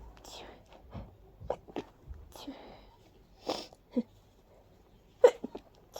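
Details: A quick series of small, breathy, puffing sneezes from a person whose allergies are flaring badly and who felt light-headed afterward; allergic sneezing.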